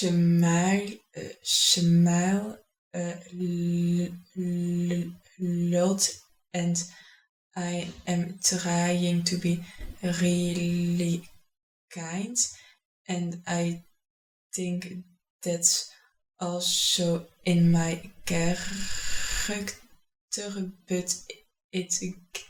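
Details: Adult who stutters, describing blocks and compensating for the stutter; stuttering.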